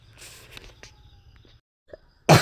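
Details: Quiet room hum and faint clatter, then one sudden loud cough burst cut off at the end; the speaker has a cold and cough that has affected her throat and voice.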